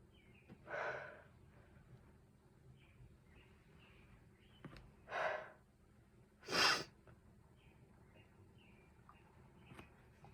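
Three brief, sharp, explosive bursts of air spaced a few seconds apart against quiet room noise, consistent with a run of sneezes.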